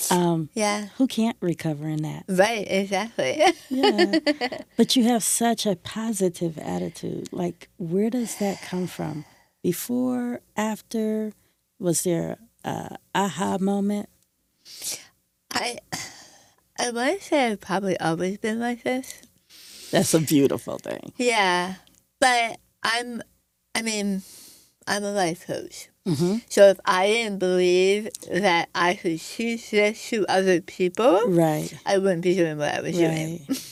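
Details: Adult woman with stage 4 squamous cell carcinoma of the right tongue, diagnosed December 2021; over half of tongue removed and reconstructed with arm-skin flap, plus neck dissection, tracheotomy, radiation, chemotherapy and speech therapy; articulation changes after partial glossectomy.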